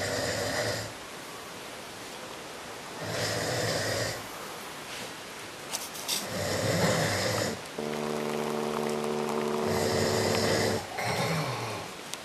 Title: about snoring